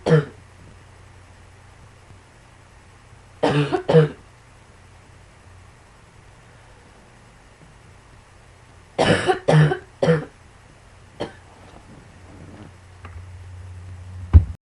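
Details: Several clusters of short, sharp coughs, usually two or three at a time, separated by quiet pauses, over a low steady background hum; cough.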